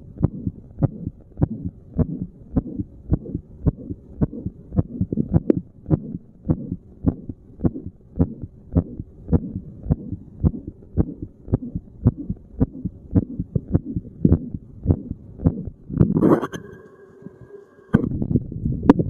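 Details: Normal resting heart sounds of a seated person, chest spot chosen at random: steady low paired thumps at about 60 beats a minute, briefly interrupted by rubbing and a hum.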